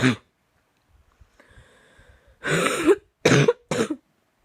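Several harsh cough bursts in quick succession after a quiet, strained breath in: a coughing fit.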